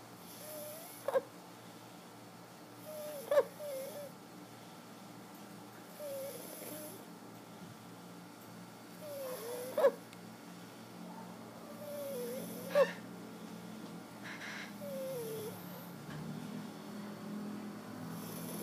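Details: Nephew asleep on a bed, snoring about 20 times a minute with sharp click-like snorts and some whistling over room noise; snoring.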